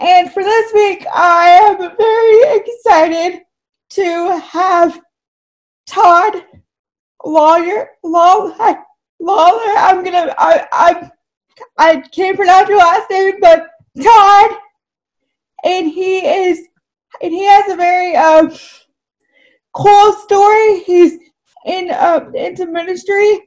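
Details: Woman with cerebral palsy whose speech is affected by the condition: dysarthria (cerebral palsy).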